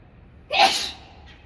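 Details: A single explosive sneeze with a sharp hissing burst that fades quickly, from a woman in a sneezing challenge using powder to trigger it.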